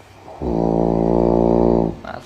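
One loud, low, rattling snore lasting about a second and a half, acted as an imitation.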